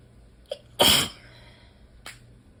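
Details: Allergic sneezing fit by a person sneezing mostly into the elbow (some into the hand): a short catch of breath, then one loud sneeze and a brief sniff.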